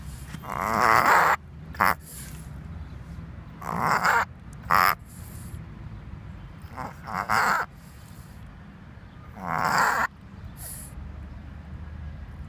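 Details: Tibetan Spaniel making repeated loud, harsh snorting inhalations in bursts, which the owner calls an asthma attack; a reverse sneezing episode.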